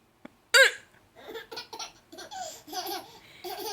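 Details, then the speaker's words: A grandmother's single brief hiccup followed by her baby granddaughter's bubbly laughter; hiccups. "okay grandma's got the hiccups and apparently you think it's funny"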